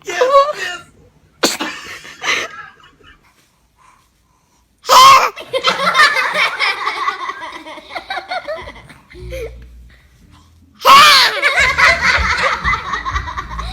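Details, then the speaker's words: Infant sneezing: two sharp, high-pitched sneezes amid adults' talk and laughter. "Ay, ay, ay, esos estornudos."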